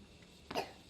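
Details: Child who has a cough, after eating mango, gives a single brief, sharp cough burst against a quiet background; a plain cough.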